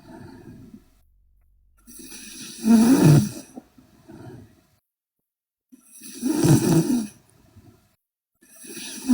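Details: Sleeping Korean girl snoring loudly: rough snores on each breath in, with quieter breaths out, about 17 breaths a minute.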